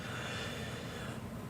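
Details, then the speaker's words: Snoring by a pet cat stretched out asleep on the owner's lap, audible snores before he wakes up. "oh my gosh he is so so snoring you can hear the snores oh okay he's waking now he's awake"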